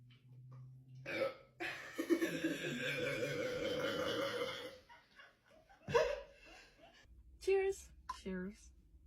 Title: Ranking the most iconic Sprite Challenge Burps | TopRanked